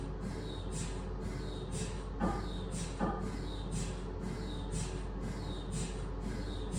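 Loud continuous droning with rhythmic swishing pulses and a deep hum, typical of an MRI scanner imaging.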